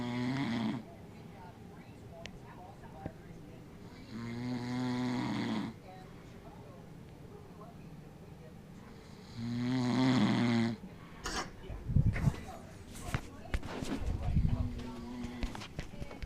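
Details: Three loud, low, rattling snores at slow intervals with quieter shuffling near the end, from a sleeping man who says he doesn't snore.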